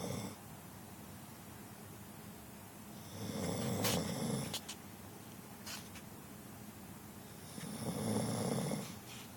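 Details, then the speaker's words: Sleeping female, called a good girl: two slow, rough snoring breaths with faint whistling in a quiet room, about 14 a minute; ordinary snoring. "Ronnie's making all that noise honey honey he's sleeping you sleeping yeah I was wondering who was following all that wood good girl good girl that's what draw any sounds like when she's snoring"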